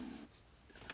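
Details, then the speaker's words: A brief, low, purring gurgle fades out, then a faint bubbly pop. Adult says she is rather hungry: stomach rumbling (borborygmi). "if you can hear my stomach rumbling and i'm rather hungry i think i don't know where that came from to be honest a bit of a surprise"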